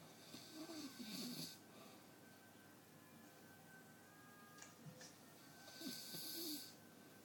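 Two slow, breathy snoring breaths several seconds apart, with a steady faint tone and quiet room noise in the background.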